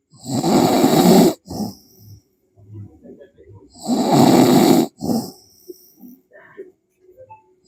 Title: Suara orang tidur ngorok